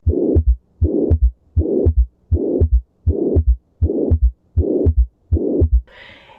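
Regular heartbeat at about 80 a minute, each beat followed by an extra soft, low thud that gives a galloping rhythm: an S3 gallop.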